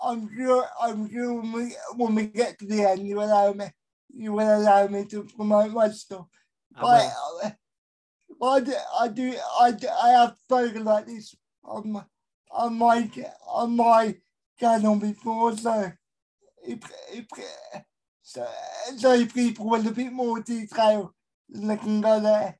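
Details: Adult male with a severe type of cerebral palsy; dysarthria in cerebral palsy.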